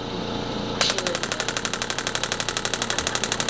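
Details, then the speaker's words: Steady rapid train of sharp clicking pulses, about four per second, from a radial shockwave therapy device set at 1 bar pressure (standard 2,000 pulses). Played as a demonstration before treating a patient after hip replacement surgery. "we'll start you up at one bar okay kind of sounds like this let me hit play that's what it sounds like"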